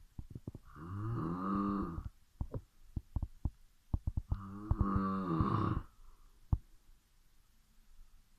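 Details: Snoring at midnight during sleep: two long, low, buzzing snores about three seconds apart, with lip or mouth clicks between.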